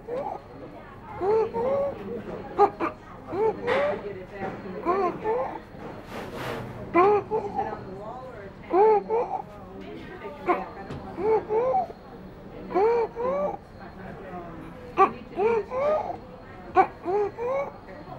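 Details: Child (IMCI training exercise) with a harsh, high-pitched noise on each breath in: inspiratory stridor.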